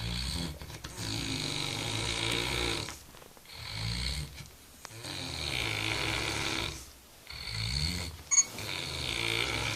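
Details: Adult man (roommate) in very deep sleep, snoring while friends have fun around him.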